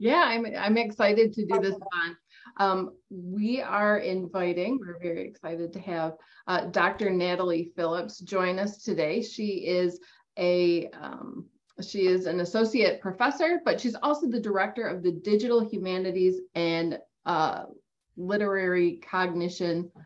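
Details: Adult woman speaking; ordinary speech.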